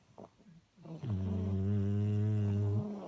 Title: Snoring Bullies